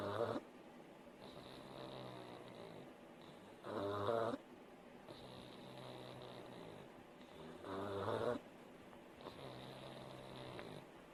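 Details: A sleeping pug snores loudly with a rattle on each breath in, about 15 a minute, with quieter whistling breaths between.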